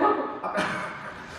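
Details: Adult female singer coughing repeatedly during a live showcase after dancing, attributed to dust: a few abrupt, harsh bursts in quick succession, fading into room noise.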